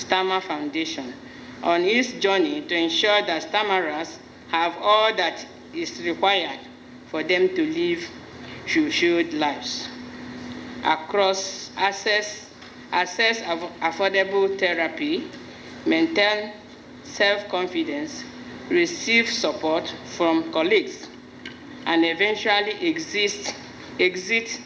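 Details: Adult speaker, narration; Speech.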